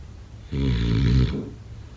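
One deep, vibrating snore lasts under a second and is set against low room hum. Snoring.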